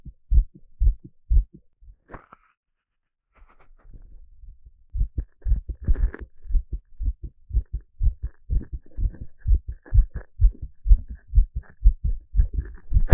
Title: Peaceful heartbeat sound